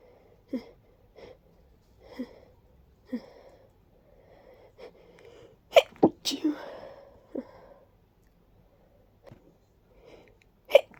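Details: Person with recently active allergies and sudden sneezing fits, feeling a deep tickle in the nose: several sneezes with sniffling between them and a blocked, congested nasal quality; congested sneezing.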